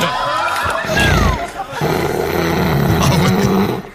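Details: An adult woman snoring in sleep: loud, low, rough growling snore with a rattling, throaty, grunting quality, broken by a short pause.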